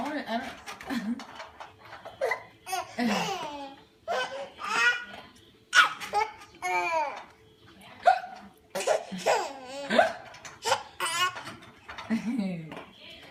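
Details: Hiccups in an infant sitting in a bouncer: brief, sharp hiccup sounds repeating among babbling and laugh-like vocal sounds, ordinary harmless infant hiccups.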